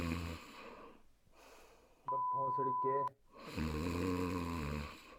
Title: Amnes plit :Snoring is a big problem